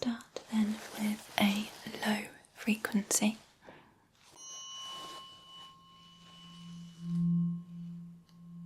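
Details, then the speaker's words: Simulated ASMR hearing test by an audiologist, tuning-fork frequencies within normal hearing range: soft whispered tapping then a struck tuning fork ringing as a steady low hum that fades, heard in one ear. "the frequencies I will be using today are all within the range of normal hearing so you should be able to hear all of these"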